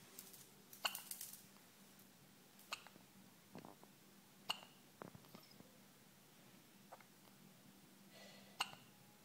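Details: 2-day-old with hiccups: soft, brief, irregular catching clicks, about 16 a minute, over quiet room noise.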